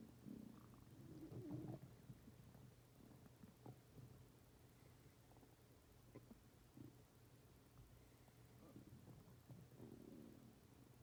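Soft, irregular low gurgles and rumbles over a steady hum; normal bowel sounds of a growling stomach.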